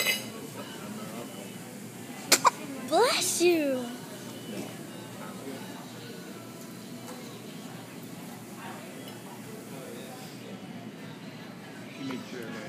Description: Baby sneezing my little bro